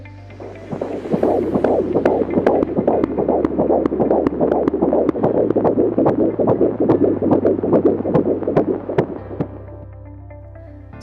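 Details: Normal fetal heart sounds heard on auscultation: rapid, regular whooshing fetal heartbeat at about 146 beats a minute.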